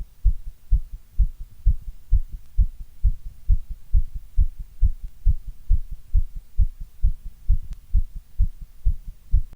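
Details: Heartbeat: steady, regular low heart thumps at a quick rate of about 130 a minute.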